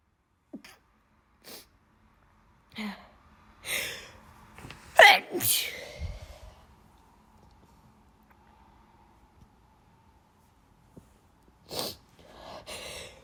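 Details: Person with bad allergies sneezing: several sharp sneezes, some with a quick in-breath first, separated by pauses and sniffs; repeated allergic sneezing.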